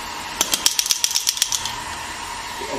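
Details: GINHA HL1602 portable radial shockwave therapy handpiece firing during physiotherapy treatment: rapid series of sharp clicking pulses, about a dozen in just over a second.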